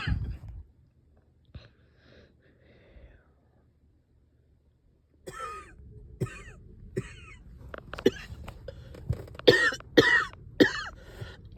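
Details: Productive cough after a night up coughing, with chest heaviness and headache: quiet throat clearing, then a building run of short harsh coughs, some wet and phlegmy, with stubborn sticky phlegm.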